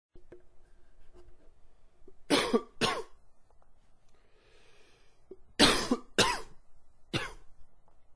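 Two bursts of coughing in a quiet room, five harsh explosive coughs in all, grouped in pairs and a triple.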